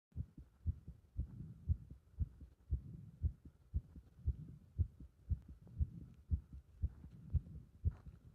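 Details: Heart sounds recorded with pressure on the chest during squats: regular, strong low heartbeats at about 118 a minute with some body-movement rumble, a fast heart rate during exercise.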